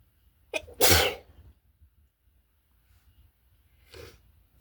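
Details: Cat with a cold giving a sharp, wet sneeze and then a softer second sneeze.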